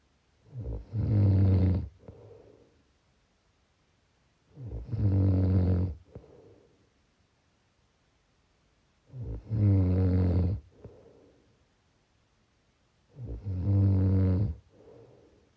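Four loud, rattling snores on each in-breath, about 15 breaths a minute, with quiet pauses between them.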